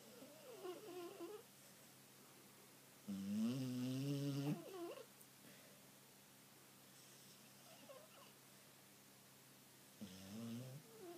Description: Peace is a snorting snoring spaniel